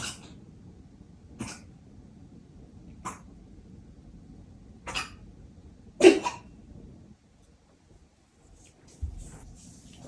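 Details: Cat coughing for about 30 minutes starting late at night, recorded to show a veterinarian: five short, dry, harsh cough-like bursts at irregular intervals over about ten seconds, quiet room between.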